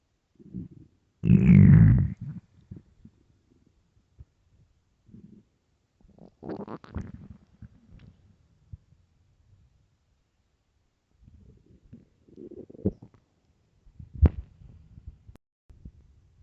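Low gurgling and rumbling bursts with one loud squeaky growl, scattered over quiet gaps; ordinary hunger-related stomach growling.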